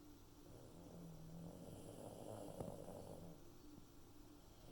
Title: Jenkins is Snoring